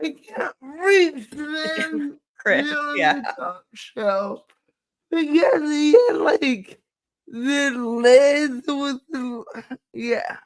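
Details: Woman with cerebral palsy, which she states is the cause of her speech and cannot be changed; dysarthria (cerebral palsy).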